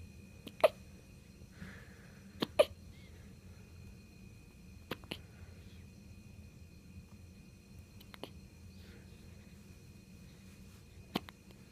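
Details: Newborn infant, age 0 months, hiccuping: sharp, brief catching sounds repeating irregularly, some in close pairs, about 30 a minute over a steady low hum; hiccups.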